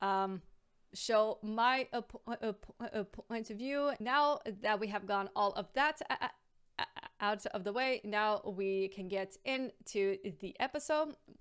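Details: Stuttering (stammer), real, in an adult woman who has a stammer, audible here as a word repetition.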